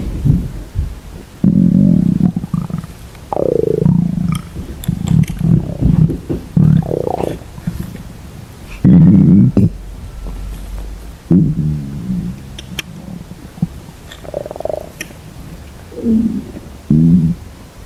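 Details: Girl's stomach growling: low gurgling, groaning rumbles with bubbly squeaks that come and go, ordinary borborygmi from gut movement.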